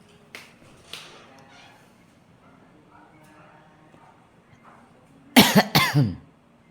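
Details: Person with a hoarse, failing voice and a cough: quiet room sounds, then a short burst of three or four harsh coughs in quick succession.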